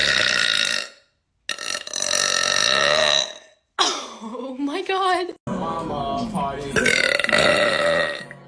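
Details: Series of loud, long, deliberate belches in quick succession with short gaps, from two people burping on purpose: burping.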